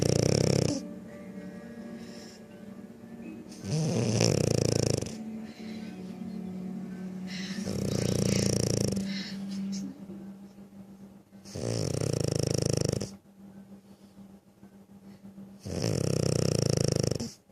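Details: Pug, a flat-faced dog breed, snoring loudly: rattling snores about every four seconds, roughly 15 a minute, over soft background music; snoring.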